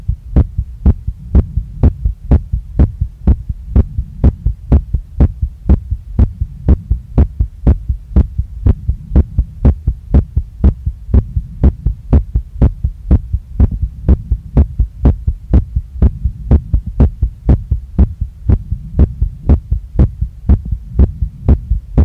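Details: Female's heart recorded right after a workout, pounding and not calming down, felt in chest, neck, face and stomach; strong, steady, regular beat at about 120 per minute: sinus tachycardia after exercise.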